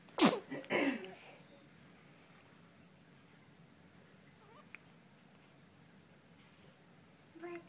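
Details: Sneezing from a newborn girl just home from the hospital, who also has hiccups: two quick, sharp sneezes, then quiet room noise and a faint whimper at the end.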